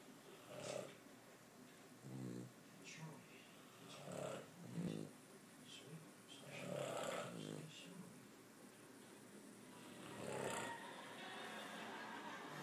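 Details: Boston Terrier dog and an adult man snoring together: two overlapping snorers, one deeper and one higher and snuffly, with rhythmic rattling breaths in a quiet room.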